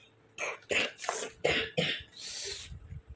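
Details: Cough recorded at home in a video about the benefit of having a home nebulizer: a run of five harsh, closely spaced coughs in a quiet room.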